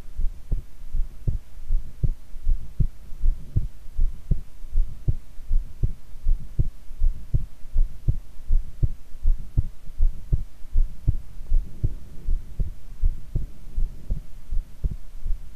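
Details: Heart sounds recorded while lying prone: steady, regular low heart thumps at about 80 beats a minute: normal heart sounds.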